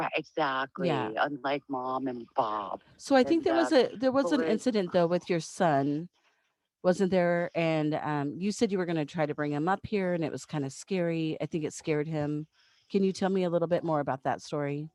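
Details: Adult speaker; ordinary speech.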